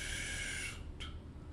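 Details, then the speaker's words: Lecturer's vocal imitation of the mitral regurgitation murmur, heard throughout systole because of the pressure difference; holosystolic (pansystolic) murmur. "loves loves so that's the mitral holosystolic pen systolic marble"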